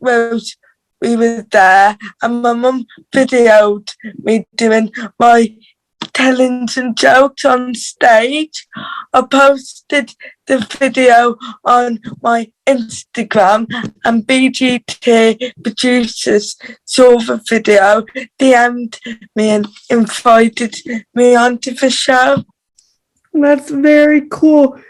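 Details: Dysarthria due to cerebral palsy in a teenage girl from England's Black Country, who reports her cerebral palsy voice is harder to understand.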